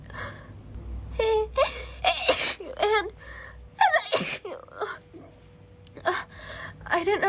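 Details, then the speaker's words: A girl acts out rapid sneezing: a run of several sharp sneezes with quick gasps between, in a small room. She says she is cold and wet from the rain and her head is starting to hurt. "I'm cold and and wet I can't stop sneezing no sorry I'm late I just got caught in the rain"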